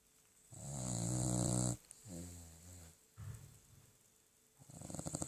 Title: Když to pes zalomí... / When the dog is snoring...